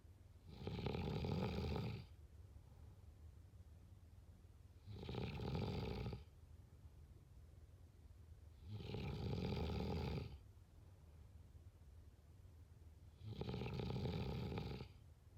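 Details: Snoring: four loud, rough, rattling snores on the in-breath, about 15 breaths a minute, with quiet pauses between.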